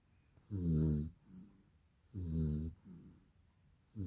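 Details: Napping dog snoring: rhythmic low snores on inhalation with softer breathy exhalations, roughly two breaths in four seconds; ordinary snoring.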